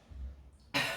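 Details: During a spicy ramen noodle challenge: a low throat sound followed by one sharp, harsh burst, a single cough or throat clear.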